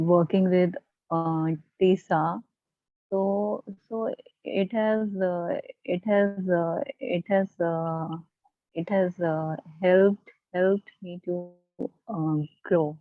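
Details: Adult member of a stammering support group speaking spontaneously, with repeated fillers and blocks. Stuttering (stammering).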